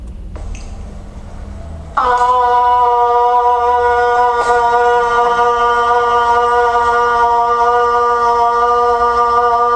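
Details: 69-year-old woman with Parkinson's disease diagnosed in 2012, sustaining 'ah' after 4 weeks of speech therapy; improved voice quality after speech therapy in Parkinson's disease.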